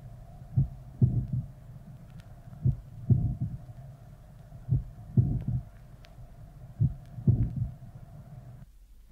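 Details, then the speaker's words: Lower sternal border recording played at half speed: loud S1, a late systolic click, and a late systolic murmur filling the interval from click to S2, then both components of S2. "the first sound loud late systolic sound late systolic murmur and both components of the second sound should all be heard"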